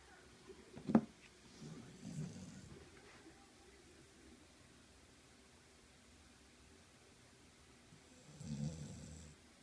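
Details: Two soft, low rasping snores about seven seconds apart in a quiet room; gentle snoring during sleep.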